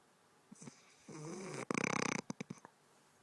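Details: Snoring: a brief hum, then a rapid fluttering rattle and a few soft clicks, consistent with a single snore.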